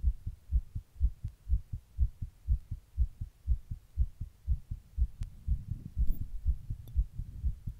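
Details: Fast heartbeat recorded from a person sitting in 100-degree heat during a heatwave; tachycardia.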